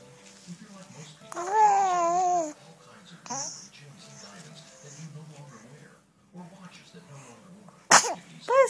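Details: 2-month-old baby sneezing: small, sharp infant sneezes among brief coos, an adult's quiet 'bless you', television talk in the background.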